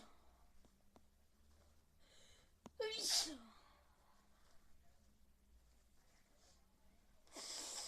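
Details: Sneezing: a quiet indrawn breath followed by one sharp, hissing sneeze, with another breathy burst near the end.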